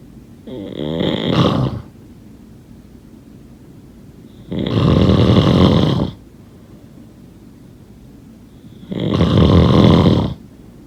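Three loud, rumbling snores about every four seconds, roughly 14 breaths a minute, with quiet pauses between.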